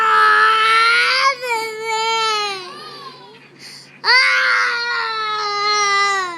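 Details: Young child's angry tantrum crying, upset over not having shoes put on: loud, strained, high-pitched wailing in long sustained bursts with a short gasping break.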